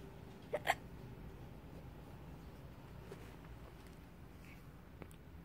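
Two quick sharp hiccup sounds close together, then a faint third one in a quiet room; ordinary hiccups.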